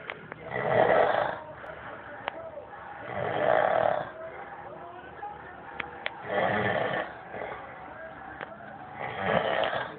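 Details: Loud, rough snores from a sleeper in a hotel room, about every three seconds, with quiet breathing between; ordinary heavy snoring.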